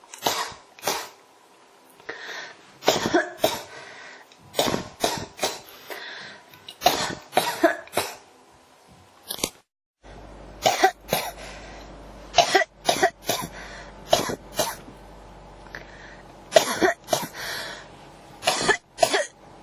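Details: Repeated bouts of short dry coughs, about 26 in all, with brief breaths between them; persistent coughing that will not stop.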